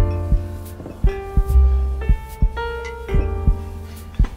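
Gentle piano music over slow, deep thumps like a heartbeat, roughly 57 a minute.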